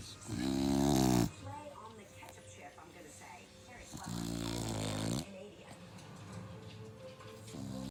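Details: Snoring dog (female) asleep: two loud, rough, rumbling snores about four seconds apart, with quieter breathing noise between them.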